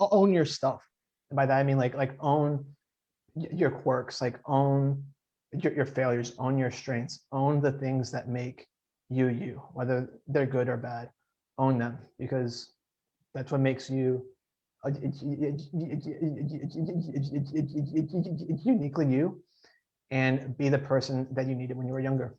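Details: Adult man who stutters, writer and TEDx speaker, speaking in a podcast interview; stuttering.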